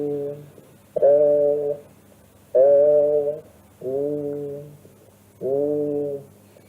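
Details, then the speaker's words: Patient with pleural effusion and passive condensation saying "i" while the microphone alternates sides: muffled vowels, some bleating like "e" at the upper border of the effusion. Egophony (goat voice). "Vamos a ver en este ejemplo cómo se le pide al paciente que diga I y se va alternando la colocación del micrófono de un lado y del otro y se escucha como i o como e dependiendo si está a nivel del derrame o no."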